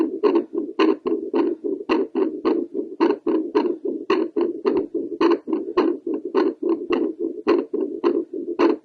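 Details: Woman's Doppler heartbeat after squats to raise heart rate: fast, somewhat uneven whooshing beats, about 100 a minute, increased rate after exercise.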